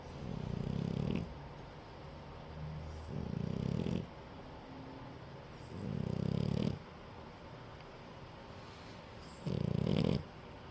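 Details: French bulldog puppy snoring while napping: loud rumbling snores recur every few seconds, about four in ten seconds, with softer breaths between; ordinary sleep snoring.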